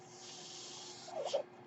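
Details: A steady airy hiss, then a brief whooshing puff of air, from the speaker's own ventilator: home mechanical ventilator breath cycle.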